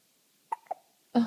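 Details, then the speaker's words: Infant hiccups in a 5-day-old baby boy: two brief, abrupt catches in the breath, each a short squeak, then the start of a louder sound. "baby hiccups or the cutest oh"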